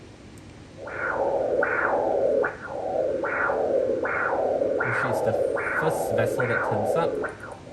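Rhythmic whooshing pulses, about 80 a minute, each rising sharply then fading: a normal first-trimester uterine artery Doppler signal.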